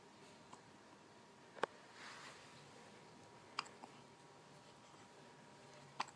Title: Hiccups!